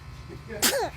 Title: Baby sneezing l Cute Vidoes l Cute Baby